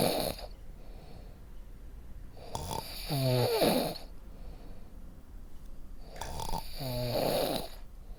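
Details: Loud rattling snores on in-breaths, each followed by a quieter airy exhale, about 15 breaths a minute in a quiet room; free snoring sound effect.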